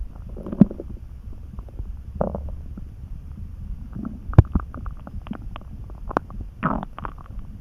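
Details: Tired, sleepy person lying on bed after little food since lunch, dozing while recording; low, soft, calm churning with scattered gurgles and squelchy pops every few seconds: hunger stomach rumbling (borborygmi).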